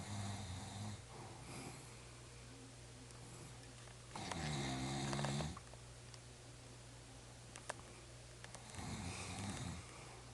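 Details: Slow snoring over a steady background hum, with one loud vibrating snore and fainter ones around it, roughly 14 breaths a minute.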